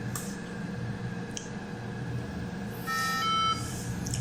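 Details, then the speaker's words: Oertli Catarhex 3 phacoemulsification machine for cataract surgery powering up: a short electronic start-up beep over steady machine hum before the system-ready option appears. "Machine شروع ہو رہی ہے۔ اگر advisory تیار ہے تو آپ کو سسٹم ریڈی کا آپشن ملے گا۔"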